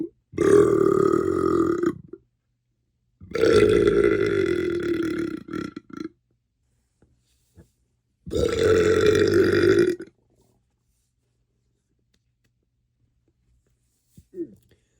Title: comp of my loudest burps recently